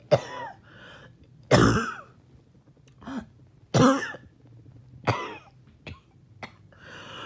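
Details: Five harsh forceful cough bursts with throat clearing and gasping breaths between, with trouble breathing after a 20-minute workout or morning walk; choking cough.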